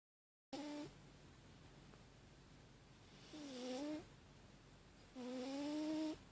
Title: Chowder Snoring